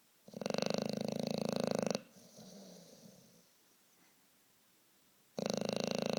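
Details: Snoring in a sleeper who seems to be dreaming, with the corner of the mouth and an eyebrow twitching: rapid buzzing, fluttering snore on inhalation, then a softer breathy exhale and a pause before the next loud snore.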